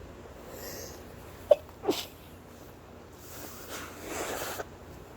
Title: Sneezing into a kleenex (mostly)